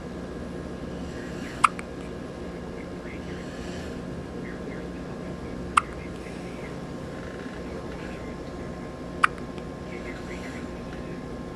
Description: with the hiccups